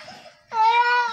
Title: Baby cry 😭😭😭😭😭😭 😢💔